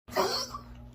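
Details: Dog with tracheal collapse (tracheal stenosis) gives a single harsh, honking cough burst, a goose-honk cough; nebulizer treatment used.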